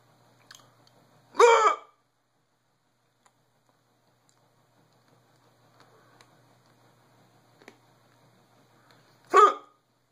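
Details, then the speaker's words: Hiccups reportedly going on for about six hours: two short, sharp hiccups about eight seconds apart in a quiet room. "good mohammed old me the video my hiccups I'm not trying to make him good you just come up we really like him that after six hours you think they're that funny I can't help it"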